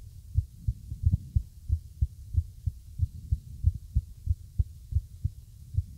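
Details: Low dull heart thumps, roughly 90 a minute, with uneven gaps between beats: an irregular heart rhythm.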